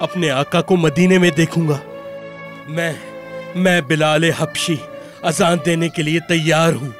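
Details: Adult male voice actor, with background music; typical speech.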